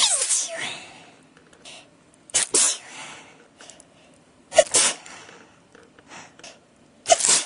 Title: Really bad sneezing fit